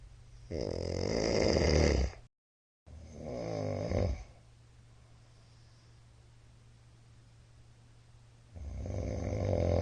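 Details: Middle-aged man snoring during sleep, recorded 13 March 2022, described as very loud: loud, harsh rattling snores on breathing in, separated by quiet pauses, over a steady room hum.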